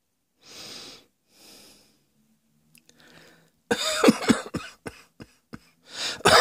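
Two audible breaths in, then a loud cough followed by a run of short, sharp coughs.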